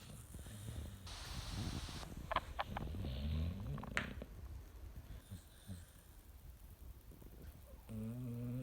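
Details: Snoring during sleep: soft, irregular rumbling breaths with snuffling noises in a quiet room.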